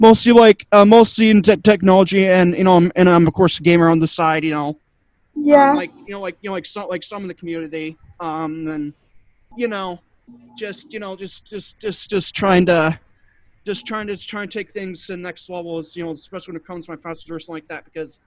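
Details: Adult male guest on a cerebral palsy community podcast, with two diagnoses including autism, who stutters a lot, especially when unsure what to say; he attributes it to his other diagnosis. Finding: stuttering.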